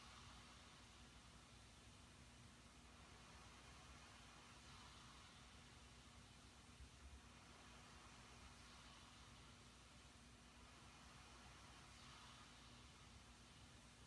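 Steady airy hiss with a low hum from a CPAP machine running through sleep; no snoring heard.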